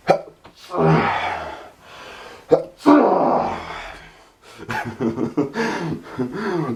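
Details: Adult with suspected pollen allergy: two loud, forceful sneezes, each a sharp burst with a drawn-out voiced blast, followed by brief mumbled vocalizing.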